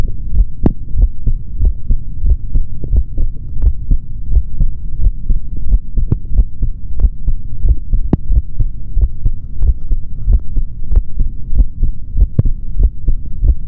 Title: ASMR MALE SOUNDS INSIDE BODY | Stethoscope | HeartBeat | No Talking |